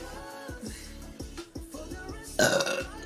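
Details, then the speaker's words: Korean livestreamer giving a short, loud burp over background music with a steady beat, apologizing afterward; burping. "트럼이 오지게 나옵니다. 죄송합니다. 감사합니다."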